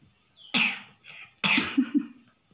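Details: Child coughing while learning to recite the Quran (mengaji): two loose coughs, the second followed by brief rattly catches, in a quiet room.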